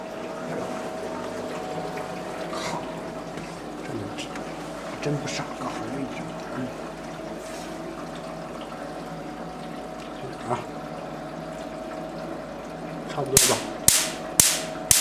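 Steady room hiss and hum, then four sharp snapping cracks near the end: pulses of a Q-switched Nd:YAG laser used for tattoo removal.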